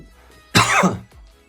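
A single abrupt adult cough with a harsh, throaty release, heard over soft background music.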